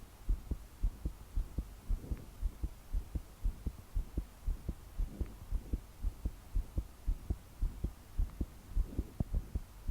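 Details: 22-year-old female, pounding heartbeat at about 110 beats a minute while trying to fall asleep; body shaking with each forceful beat despite deep breaths, soft breathing, heavy rain in background; forceful palpitations.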